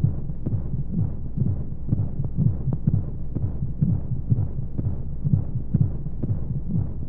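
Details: Womb sound played as a baby sleep aid with white noise: steady, muffled low heartbeat thumps at about 125 a minute under a soft whooshing rush of flowing sound, like a heartbeat heard from inside the womb.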